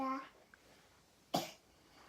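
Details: A young child with a feverish cold and cough, singing the Korean children's song "Nabiya" (Butterfly), trails off on a sung note and gives a single short cough in a quiet room; cough.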